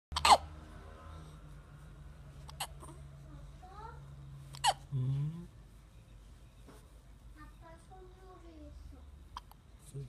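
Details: hiccup: A child hiccups about four times, sharp sudden catches a few seconds apart, with brief soft vocal sounds in between.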